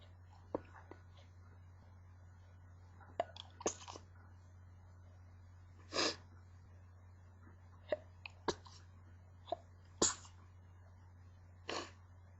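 Several short, muffled bursts over low room hum, fitting stifled sneezes held back with a closed mouth.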